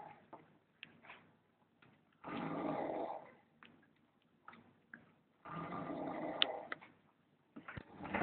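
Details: Very loud, pig-like snoring: harsh, rattling snores on breathing in, with quieter snorting sounds between them, in a small quiet room.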